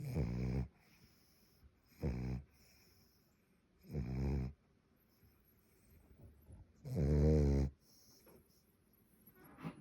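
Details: Four loud, rumbling snores on in-breaths, spaced by quiet pauses: snoring in a sleeping French Bulldog.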